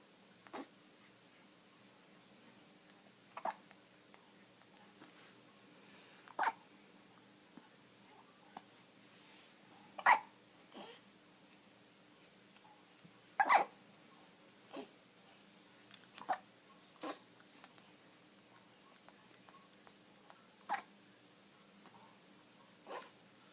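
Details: An infant hiccuping: brief, sharp hiccups repeating at irregular intervals, roughly twenty a minute, over quiet room hum.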